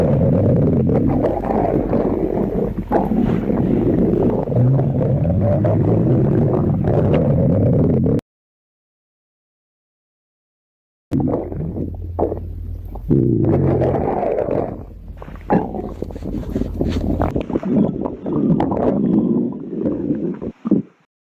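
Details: Stomach growling compilation: low rumbling, gurgling abdominal noises with a brief silent gap; ordinary borborygmi from gut movement.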